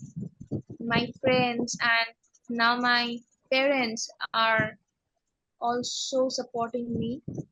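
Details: Adult woman who has stammered since age six, interviewed in a podcast; stammering.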